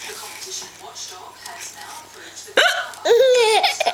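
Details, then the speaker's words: Mother's sudden, sharp hiccups with someone laughing at them, over background TV talk; hiccups. "Is that funny? Because Mum's got the hiccups."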